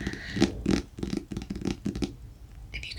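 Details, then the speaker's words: A dog snores in quick, low, snuffling bursts in the background as it settles down to sleep in a quiet small room. "hear snoring that is my dog in the background bless him he settled down to sleep"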